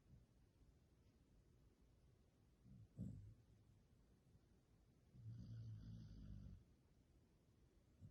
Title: BERKELEY SNORING AND DREAMING